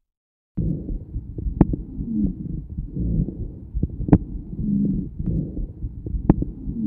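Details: Rhonchi.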